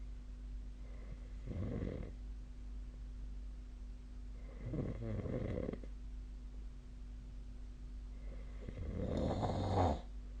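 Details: Snoring during sleep, recorded 2025/01/31 with the SnoreLab snore-tracking app: three low, rattling snores recurring about every three and a half seconds over steady room hum.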